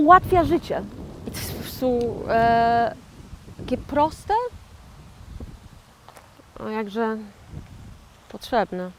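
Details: 41-year-old woman who had a stroke in 2009, speaking years later as a stroke survivor with aphasia; aphasia after stroke.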